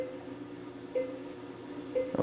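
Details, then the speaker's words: Computer-controlled dental anaesthetic delivery device beeping softly about once a second during a slow intraoral injection, needle advanced about a millimetre per four beeps, with aspiration, over room hum. "four beeps another millimeter in four beeps another mil"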